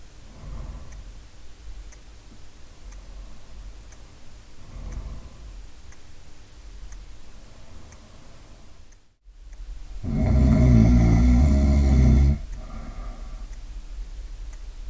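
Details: A single loud, rough, buzzing snore lasting about two seconds after soft breathing noises in a quiet room; a typical snoring profile.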